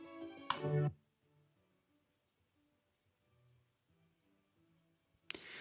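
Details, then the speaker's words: Classical orchestral music played through the right side of a simulated severe-to-profound right-sided hearing loss (mild-to-moderate on the left), heard as a very faint orchestra far away. "So what this sounds like to me is a very faint orchestra very far away."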